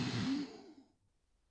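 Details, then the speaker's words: Death rattle as a sign of approaching death: one noisy, wet, gurgling exhaled breath that fades out, from secretions pooling at the back of the throat as swallowing becomes difficult. "these accumulated fluids may cause a noisy breathing that is known as the death rle and sounds like"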